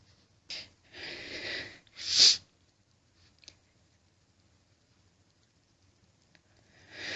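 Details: Adult female after many stifled sneezes, nose itchy and burning, sneezing into a washcloth: brief inhaled lead-in, then a loud hissing wet sneeze, soft sniffing after; sneezing.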